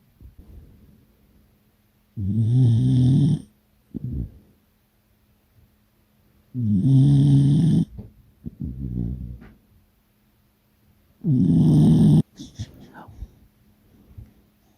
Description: Cute beagle snores loudly while having an afternoon nap with Dad.